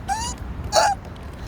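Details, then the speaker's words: Adult having persistent, uncontrollable hiccups while walking outdoors near traffic during a road trip; a doctor reportedly found no cause. Two abrupt, loud voiced hiccups in quick succession over engine noise. "I'm walking back to the car still got the hiccups like mad oh I even scared my mom a few times in the car soz"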